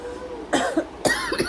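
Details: Woman with a cold, fever, and a burning nose: two short, voiced coughs half a second apart over low room hum; cough.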